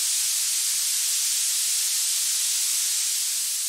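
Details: Steady, high-pitched pink-noise band centred near 7 kHz, a synthetic sound used to find and match tinnitus frequency.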